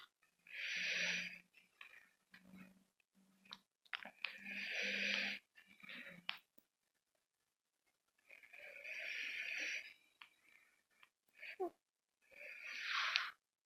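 Noisy breathing with a high whistling, hissing quality in repeated breaths, about 15 a minute, and occasional low tonal squeaks; wheezy breathing.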